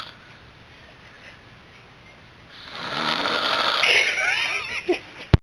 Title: 2009 02 16 snoring